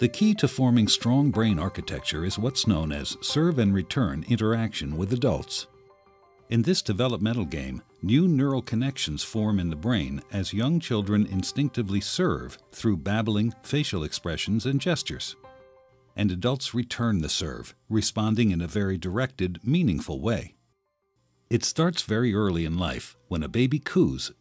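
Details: Adult male narrator; normal speech.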